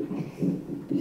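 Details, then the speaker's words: Fetal heartbeat on hospital Doppler at 30 weeks' pregnancy, with a skipped beat about every ten beats, described as common: whooshing pulses with uneven spacing, fitting a fetal arrhythmia. "so let me see if you guys can hear this the hearts gonna skip a beat right there and right there"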